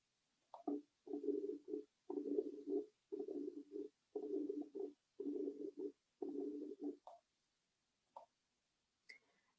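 Rumbling low-pitched murmur filling each diastole between heart sounds, about 58 cycles a minute, typical of mitral stenosis.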